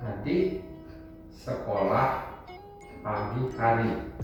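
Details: Acted 50-year-old male with uncontrolled hypertension, communication difficulty for 1 week, during a sentence repetition task; Wernicke's aphasia.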